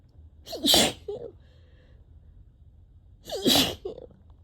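Two sharp sneezes about three seconds apart, each with a quick intake of breath before it; repeated sneezing.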